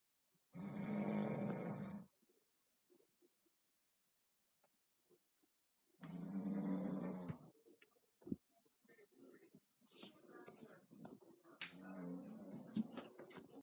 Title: Someone snoring